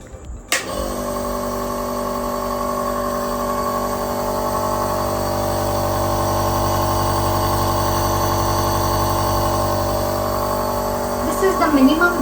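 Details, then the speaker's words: Dr Trust compressor nebulizer switched on to show mist output, mist flow adjustable by a knob: a click, then a steady buzzing motor hum running continuously; compressor nebulizer running. "let me just show you how the Mist comes out of this device when we turn on and also we can see techniques a bit of sound how it will be"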